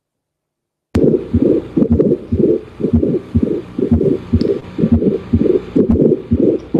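Harsh, scratchy crunching sounds in both systole and diastole, about 60 beats a minute, a pericardial friction rub.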